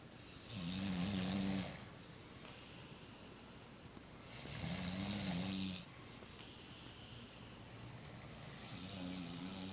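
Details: Two people snoring: rhythmic rattling snores on each in-breath, about 15 a minute, with quiet breathing between; ordinary snoring.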